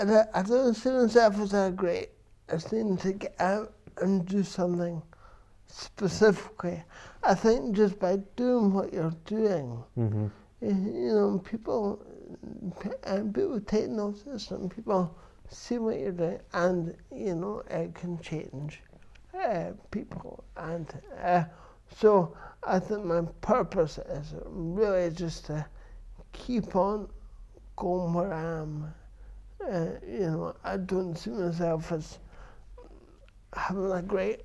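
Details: Adult man with dysarthria from cerebral palsy present since birth, which he says affects his verbal communication, balance and coordination.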